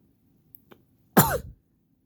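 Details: Single harsh, throaty cough or throat clearing after faint clicks in a quiet room, from a person with allergies; the pet cat dislikes the coughing.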